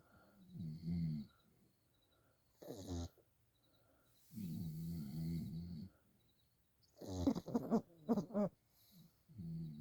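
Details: Pug sleeping and dreaming: soft, irregular snorting snores with short snuffling bursts between them; snoring.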